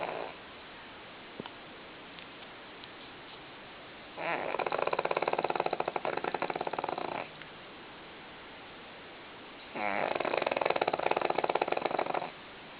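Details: Heavy snoring in a sleeping pug, a short-nosed dog: two long, loud, rattling breaths about five seconds apart, after a tiring day.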